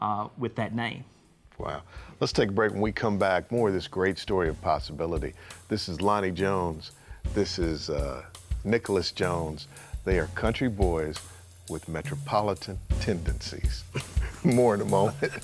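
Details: Adult male; normal voice.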